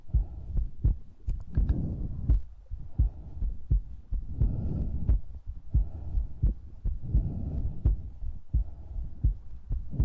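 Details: ASMR recording of a heartbeat: muffled low thumps repeating at roughly 86 a minute under a soft hum and mouth noise.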